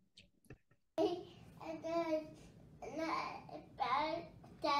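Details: Childhood dysarthria in a young female with a genetic condition: mainly dysarthric profile with some apraxic features, tremulous voice, fluctuating muscle tone, difficulty valving and producing clear speech.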